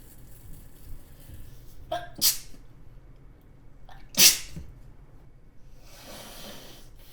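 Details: Adult woman sneezing repeatedly in a kitchen: two sharp sneezes in a row, each preceded by a quick catching inhale, quiet room noise.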